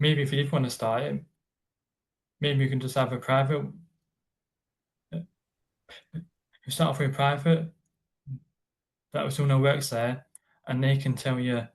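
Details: Adult man living with a stammer: stuttering (stammer).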